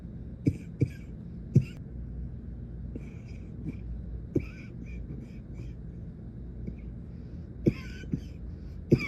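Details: Young woman's night-time coughing attack lasting the whole night, muffled into a pillow: short dry coughs recurring irregularly, some in quick pairs, over steady low background noise.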